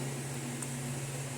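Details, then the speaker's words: Nebulizer treatment given to a sleeping baby with a dry cough that worsens in the evening, amid parental worry about bronchiolitis: a steady low motor hum with a hiss of airflow from the running nebulizer. "Tô aqui tentando da nebulização nele comoo é melhor dormindo mesmo tentando segurar é melhor dormindo eu acho que tem um aproveitamento maior de"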